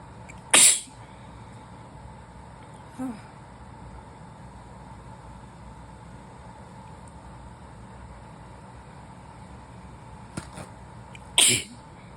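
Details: Two sharp, explosive, messy sneezes about ten seconds apart, with a quieter sniff between, in a person with a new cold after a temperature drop, during a sneezing fit; sneezing.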